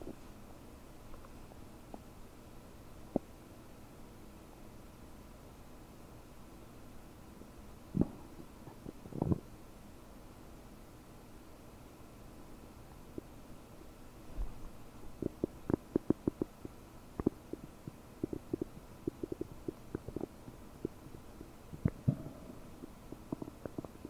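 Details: Borborygmi about 9 hours after eating 30 prunes, recorded with a desktop microphone: quiet gurgles and bubbly pops from a bloated abdomen, increasing in the second half.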